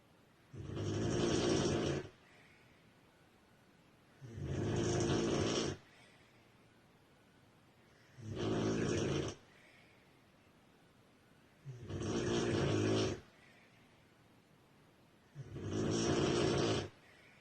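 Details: Female sleeper snoring heavily: loud, rumbling snores on each inward breath, about 16 per minute, with quiet pauses between; heavy snoring.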